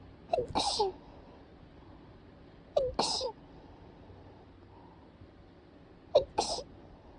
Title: くしゃみ sneeze